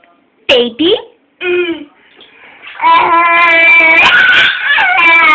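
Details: Adult cough: one or two brief cough bursts, followed by a baby's high-pitched laughing squeals.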